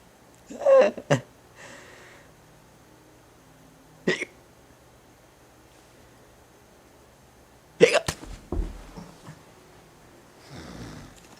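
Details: A person hiccups sharply and suddenly at irregular intervals, several over about ten seconds in a quiet room, with a few soft vocal sounds: hiccups.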